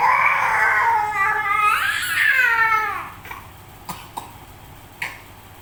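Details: Infant with a cough and cold being given traditional herbal medicine (cekok): loud, strained crying followed by a few short coughs.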